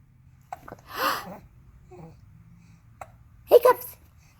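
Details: Hiccups.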